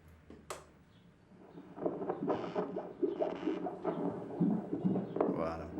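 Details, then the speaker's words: Fetal heartbeat on Doppler at just under 7 months of pregnancy (fundal height 27 cm): fast, whooshing rhythmic pulses, roughly 135 a minute; baby's back presumed on that side. "On va écouter le cœur du bébé."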